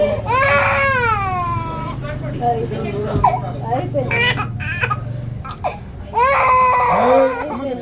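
Loud, high-pitched wailing cries from a baby in pain during ear piercing, with adult talk and a low hum behind.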